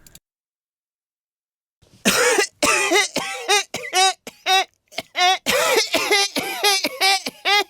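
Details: A person says they will cough, then coughs.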